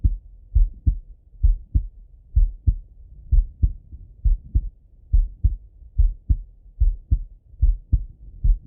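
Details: Male heart auscultated with a stethoscope, recorded either sitting at a desk or lying in bed: regular paired lub-dub beats at about 68 a minute, no added sounds; normal heart sounds.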